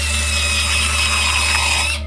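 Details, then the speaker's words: Steady high-pitched whine with a low hum underneath: a dental drill cutting into a tooth during a root canal procedure. "Now, if you've never seen one done before, brace yourself because this is a root canal. They drill into your tooth,"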